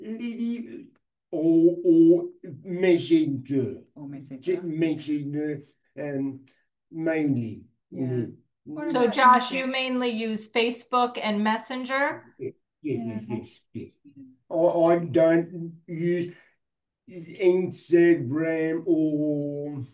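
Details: Aphasia following a stroke six years earlier, with six months in hospital afterward; he reports difficulty speaking and has not read anything in six years.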